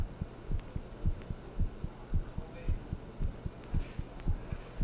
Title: Heartbeat Sound | “Thinking About You” | Black screen version